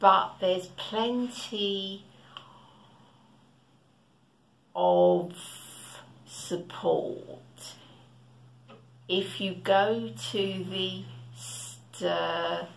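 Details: Stuttering (stammering) in an adult woman who stammers; long pauses between words suggest blocks.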